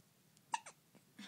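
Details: Baby with hiccups in the morning: a single abrupt voiced catch with a quick falling squeak, in a quiet room.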